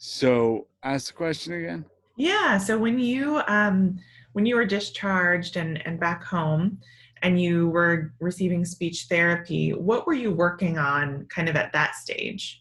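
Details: Adult woman speaking; normal speech.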